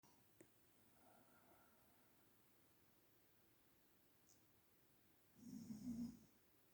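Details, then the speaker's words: Man ("dad") snoring, with a sleepy Blue Heeler–Corgi dog whining in response; a single low, rough, rumbling snore under a second in a quiet room. "Are you sleepy? Daddy is snoring, huh?"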